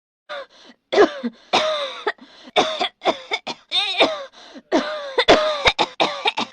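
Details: A woman coughing with shouts in an acted recording: a run of repeated short coughs and throat-clearing bursts.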